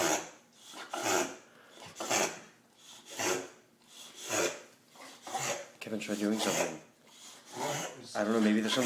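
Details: White female Boxer's reverse sneeze: repeated rapid, harsh snorting inhalations in a run. The episodes lasted a week or two, cause unknown, and a vet later gave a clean bill of health.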